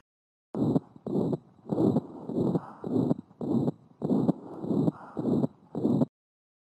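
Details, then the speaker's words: Newborn in the first month of life: a rapid heartbeat with a soft blowing murmur of benign peripheral pulmonary stenosis, a common normal neonatal finding. "Peripheral pulmonary stenosis, as you know, is a murmur that we hear very commonly in the newborn in the first month of life. Usually, you hear it in the chest, but you can hear it in the axilla"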